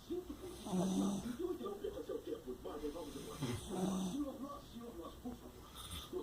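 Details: Sleeping dog snoring: repeated fluttering, snorting snores with faint background noise.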